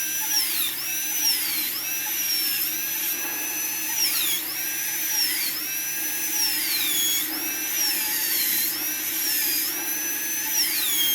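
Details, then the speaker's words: High-pitched dental drill whine dipping repeatedly under load: labial surface reduction (about 1 mm, target 1.2 mm) of an upper left canine on a practice model for a PFM crown, avoiding adjacent teeth, checked with a putty index. "You have to be careful not to touch the adjacent teeth, and keep on checking from the putty."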